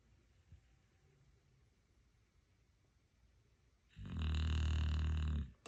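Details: Dog snoring peacefully: a quiet room, then one long, low, fluttering snore near the end.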